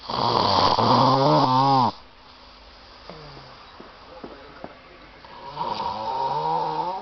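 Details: Heavy snoring: loud, rough, rattling snores on the in-breath, separated by quieter breathing.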